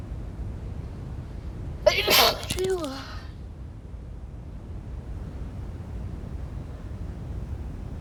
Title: Wet cold sneezes